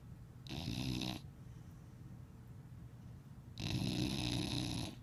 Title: Dog Snoring (Gigi)